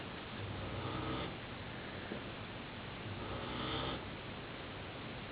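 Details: A big Great Dane snoring while asleep.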